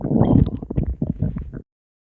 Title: Boyfriend’s stomach growling (Request)